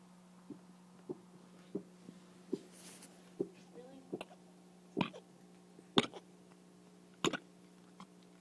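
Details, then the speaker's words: Male cat not feeling well gives a run of rhythmic, strengthening hacking retches while coughing up a hairball. "Not feeling well? Cheeto. It's a nasty hairball."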